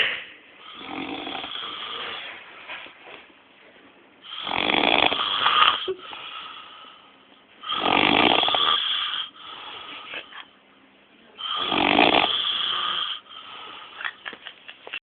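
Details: Father snoring: loud, harsh rasping snores recurring about every four seconds, roughly 16 breaths a minute, with quieter fluttering breaths between them.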